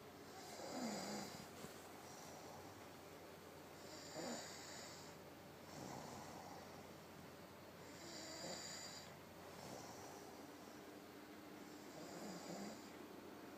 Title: Snore Sound Part I